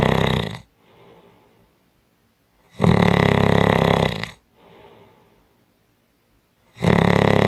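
Loud, harsh rattling snores on each breath in, with quiet breaths out between; about 15 breaths a minute. Heavy snoring.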